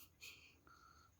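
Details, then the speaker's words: Newborn with dried mucus blocking the nose, making feeding hard and first mistaken for a cold: brief high-pitched whistling, snuffling nasal breath noise. "hidungnya itu ada kotoran hidung jadi nyusunnya susah Tumpah Tumpah terus dikirain pilek ternyata ada ada upilnya di dalam"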